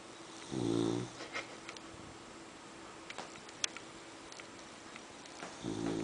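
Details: Loud rattling snores from a sleeping pet, two breaths about five seconds apart, likened to a truck outside; snoring.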